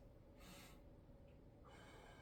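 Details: Normal breath sounds auscultated by stethoscope over the back of an adult man's chest while he sits up.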